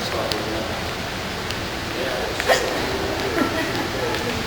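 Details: Young woman with hiccups, possibly after eating sour spicy banana peppers: two brief, abrupt hiccup sounds against heavy outdoor noise; hiccups.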